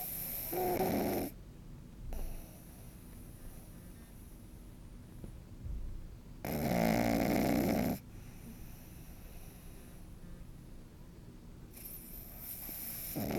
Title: Snoring sleeping pug puppy